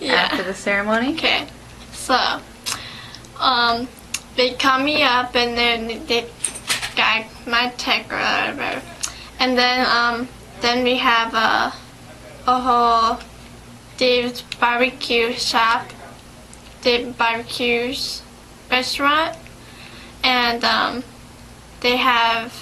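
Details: 17-year-old patient with aphasia in a speech-language therapy interview (second session): aphasia.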